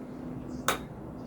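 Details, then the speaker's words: TMS coil firing a single pulse while finding the motor threshold dose at a first transcranial magnetic stimulation session for severe depression: a single sharp click over a steady low room hum. "so this is his dose and it kind of gives us an idea how much energy is necessary to make his nerve cells fire"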